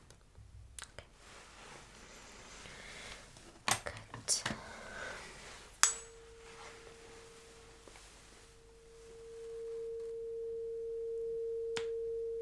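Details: Simulated ASMR cranial nerve exam roleplay: a struck tuning fork placed behind the ear for a hearing test rings with a steady, pure mid-pitched tone; the listener reports when the sound stops.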